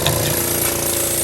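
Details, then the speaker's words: Yankauer suctioning of tracheostomy secretions, patient making noises: steady loud mechanical drone with rattling hum; suction machine running. "ll this is the yonker that i was talking about and it fits right up in and you can kind of see he makes noises and then it will suction out the secretions of this tray"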